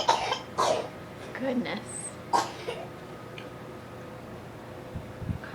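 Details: Cat coughing while climbing: a short run of three or four harsh, forceful coughs over a couple of seconds, then quiet.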